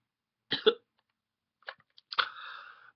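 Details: Adult with ongoing illness coughing heavily during an update: two quick harsh cough bursts, then short catches and a strained, drawn-out cough with a rough, breathy tail; cough.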